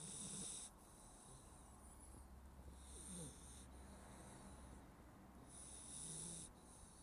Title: Snoring Labrador Puppy